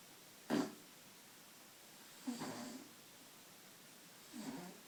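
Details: Soft, short nasal snorts, three in about five seconds, from a cat that snores all the time, sleeping in a shower in a quiet tiled room.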